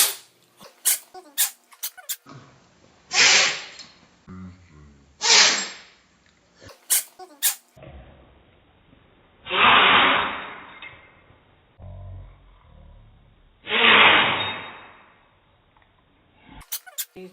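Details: Sneezing cat, owner wonders if it has a cold: four explosive, hissy sneezes, each preceded by a short snuffly breath, with brief clicks and room noise between them.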